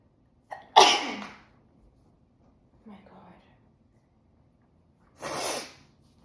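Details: Deliberately induced repeated sneezing: two forceful sneezes, the first preceded by a short inward breath, separated by a soft breath.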